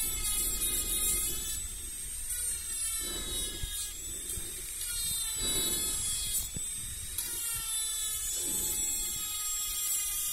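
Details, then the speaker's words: Simulated dental cleaning in a binaural, soft-spoken ASMR dentist roleplay, removing dirt between the teeth: a steady high whine with rhythmic scraping pulses from a dental cleaning instrument. "We're going to start with the cleaning. Okay, so please stay still. This won't hurt, so don't worry. Good. I'm going to remove all the dirt that are between your teeth."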